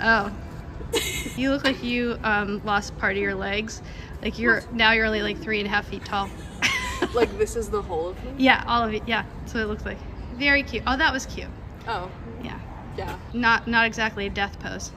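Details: Adult woman speaking; no disorder.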